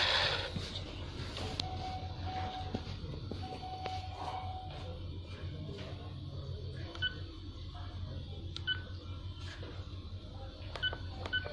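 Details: Infusion pump keypad beeps: short electronic beeps and key clicks over low room hum while an Arcomed infusion pump is programmed to deliver peripheral norepinephrine.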